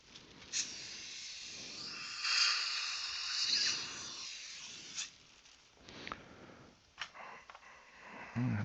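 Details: One week post-op appointment, upper all-on-4 fixed implant-supported prosthesis, condensing into about 6 mm deep access holes: continuous airy hissing and gurgling suction with brief slurps from a dental saliva ejector drawing fluid.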